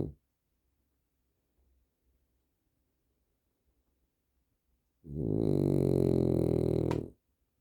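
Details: Heavy, frequent snoring during sleep after an exhausting day.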